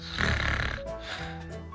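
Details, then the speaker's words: Acted comedy skit, not real sleep: loud, rough, snorting snore over background music, a girlfriend snoring in bed keeping her partner awake; simulated snoring. "wie soll man den bei dem lärm schlafen"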